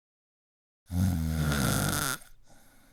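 One loud, rumbling snore on the in-breath lasting over a second, then a soft, fading breath out.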